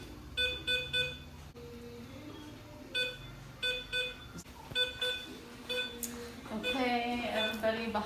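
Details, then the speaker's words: Short, high, evenly pitched electronic beeps from a veterinary dental X-ray unit during an exposure on premolars (bisecting angle technique, sensor placed in the mouth), with faint room noise behind. "so I'm gonna press the button and once it beeps let go okay"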